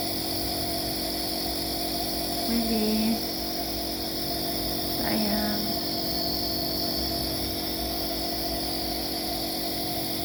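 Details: Baby with cough and cold receiving nebulizer steam treatment to loosen phlegm: constant buzzing compressor hum with brief soft vocal sounds over it; nebulizer compressor running.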